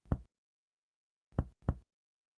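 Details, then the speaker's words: Percussion over the right midclavicular line: resonance gives way to dullness from lung overlapping liver, turns resonant again on deep held inspiration, then liver dullness is found. "si el paciente respira hondo respira hondo y mantiene el aire vemos que pasa a ser sonoro nuevamente seguimos percutiendo y encontramos la matidez hepática"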